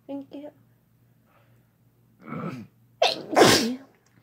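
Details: Sneezes from a male or female: brief spoken words, then two loud explosive sneezes in quick succession, each with a sharp intake and burst.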